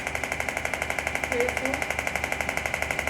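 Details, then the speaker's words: Radial pressure wave (shockwave, EPAT) therapy with a superficial applicator moving up the forearm over the median nerve and carpal tunnel: rapid steady mechanical tapping about 12 pulses a second. "we're still getting radial pressure waves internet as we go over the median nerve we're definitely working over that carpal tunnel"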